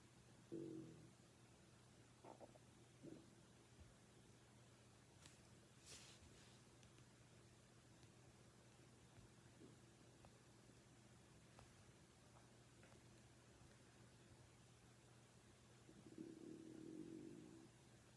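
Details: Stomach growling (borborygmi) recorded without a microphone: brief low gurgles early on, then a longer rumbling growl near the end, over a steady background hum.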